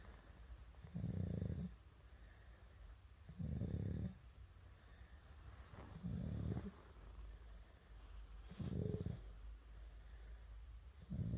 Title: 9개월아기 코고는 소리...snoring